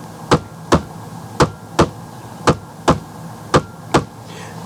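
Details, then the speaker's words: Simulated normal heart sounds, paired lub-dub S1 and S2 beats at about 55 a minute, produced on a laptop, described as heard with the stethoscope diaphragm over the brachial artery. "So, these are the normal sound that when you have your stethoscope and you have your diaphragm on the brachial artery, you hear most likely and it sounds like this."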